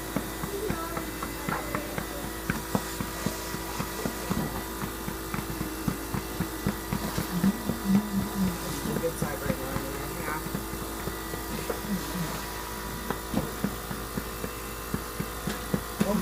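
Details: Mechanical cough assist (insufflation-exsufflation) in a child with SMA type 1 recovering from a virus with rhonchi, alongside Trendelenburg positioning, chest percussion and suction: steady machine whirring with repeated airflow pulses under music and voices.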